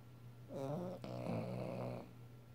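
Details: A single loud snore with a groaning, slightly musical tone from a sleeping pet dog, over low room hum; the owner remarks that it is snoring.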